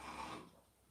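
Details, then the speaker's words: A single brief, rough snorting breath from a sleeping dog, fading quickly; ordinary dog snoring heard in the background of a live stream. "you hear that snoring that was the dog"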